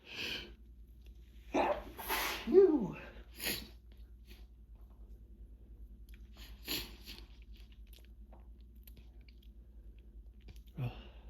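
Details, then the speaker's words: Sneezing fit from hay fever: several big, forceful, wet sneezes and sniffs in a row over about ten seconds, in an unrelenting final bout of hay fever. "Oh gosh. It never ends. Never wants to stop. Here it comes again."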